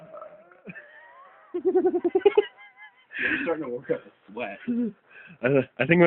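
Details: Several loud, deliberate belches with croaky voiced bursts in quick succession during a belching contest, recorded by phone mic picking up throat noise; the belcher reports developing hiccups.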